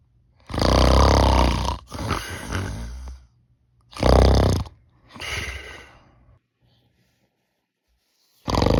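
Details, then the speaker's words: Imitated snoring while wearing an anti-snoring chin strap: loud, rough snores with rattling from both mouth and nose on inhaling, then quieter breaths out; the strap had minimal effect. "턱 밴드를 착용하고 코를 꽂아봅니다 효과는 미미하고 장시간 착용이 어려울 것 같습니다"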